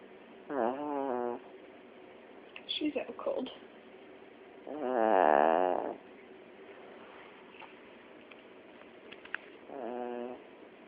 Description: My dog and I we're watching the dog whisper and she fell asleep and became the snoring chiweenie.....